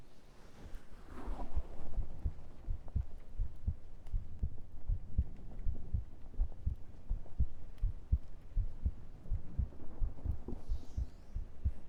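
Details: Normal heart sounds from an adult picked up by a very sensitive close microphone: steady, regular low heartbeat thumps with faint breathing noise.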